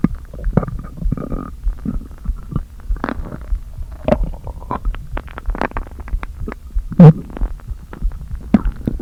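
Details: Stomach noises after not eating all day, with the stomach deliberately inflated a little: low, hollow gurgles and groans with scattered short pops as air moves back and forth; ordinary borborygmi.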